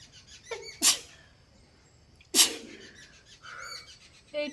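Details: Person doing a sneezing challenge, using a stick in the nose to set off sneezes and aiming for ten, in the early evening: two sharp, explosive sneezes about 1.5 seconds apart, with soft breathing between.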